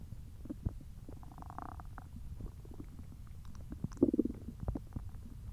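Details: Hungry stomach noises: low rumbling with scattered gurgles and a brief squeaky burst over a noisy background; normal borborygmi (stomach growling).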